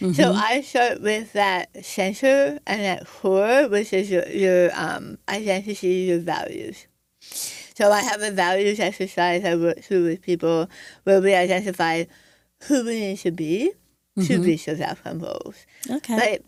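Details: Adult woman after stage 4 tongue cancer treated with partial glossectomy removing over half the tongue, reconstructed with an arm skin flap, plus chemotherapy, radiation and speech therapy; she reports a changed voice; articulation changes after partial glossectomy.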